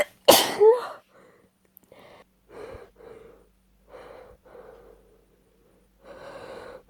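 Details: Female with a cold, sneezes indulged: one forceful sneeze, then a series of short, breathy, voiced gasps building toward another sneeze.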